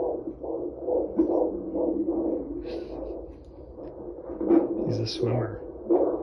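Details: Fetal heartbeat on Doppler ultrasound at 18 weeks pregnant, with a very active baby; rapid, regular whooshing pulses about 140 a minute with brief rustling near the end.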